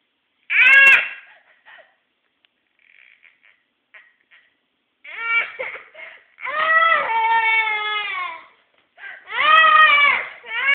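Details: Loud, drawn-out wailing cries broken by brief whimpers and catching breaths; a child crying.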